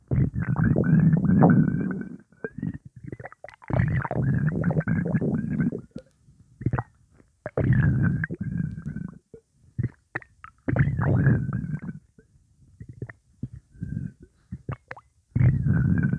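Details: Stomach gurgling after drinking Coca-Cola: repeated low gurgling and bubbling bursts with short pauses as fluid and gas move through the gut; borborygmi.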